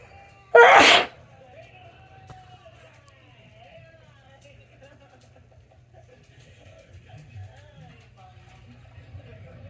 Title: I sneezed while filming 🤧